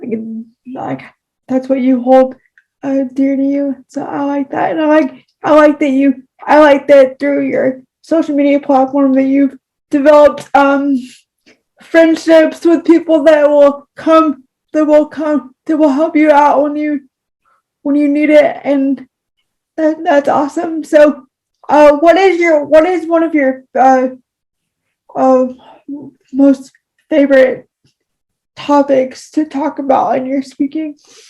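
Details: Speech disfluency with word and phrase repetitions in a woman with cerebral palsy, speaking in a podcast conversation.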